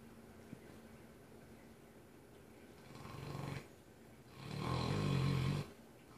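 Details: Mastiff snoring from across the room: two long, low rattling breaths in a quiet room, the second loud and throaty.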